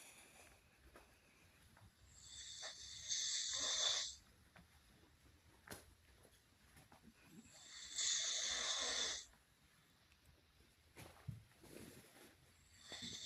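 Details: Man snoring while asleep: soft, hissing, airy breath noises roughly every five seconds, about 12 a minute, consistent with light snoring.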